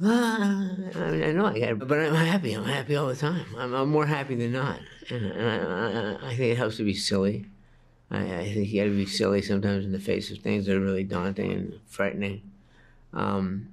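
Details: 61-year-old man diagnosed with Parkinson's disease at age 29, speaking in a TV interview, with audible word repetitions; Parkinson's disease speech (hypokinetic dysarthria).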